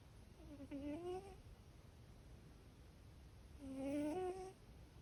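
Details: Sleeping cat giving two soft, tonal, slightly wavering snores about three seconds apart; vet has checked her and found it harmless, just part of her personality; snoring.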